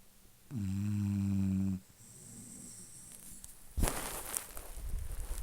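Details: Dog snoring: a long, deep, droning snore on one breath, then quieter breathing and some rustling noise.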